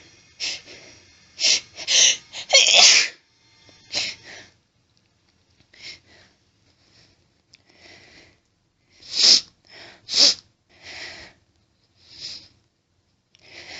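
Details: Female's desperate sneeze fit with attempted holdbacks, hitching and build-ups, nose still itchy; about eight repeated, partly held-back sneezes with quieter sniffs and breaths between.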